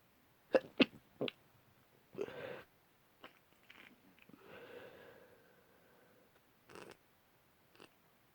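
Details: Run of sharp, forceful sneezes from an adult with a blocked-up cold, with smaller sniffs and drawn-out, weary exhales between them; exhausted repeated sneezing.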